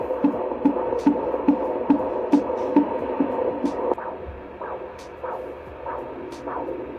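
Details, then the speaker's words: Home fetal Doppler in pregnancy: fast, sharp clapping fetal heartbeat near 145/min (expected about 110–160, higher early on), then slower whooshing maternal pulse near 90/min, under 100, for comparison. "The first sound you heard was the baby's heartbeat. You can actually hear the heart belts clapping. And we expect that to be between about 110, 160, a little higher if you're still early on."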